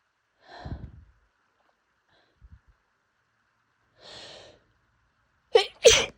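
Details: A few separate sneezes and noisy breaths, ending in two sharp sneezes close together; extremely itchy pollen allergy sneezing during allergy season, daily for a month despite medication.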